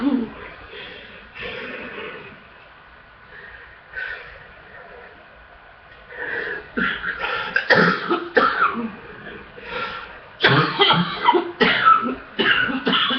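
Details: Coughing fit with chest congestion: quiet throat-clearing first, then runs of hard, harsh coughs in quick bursts; a wet, congested chest cough.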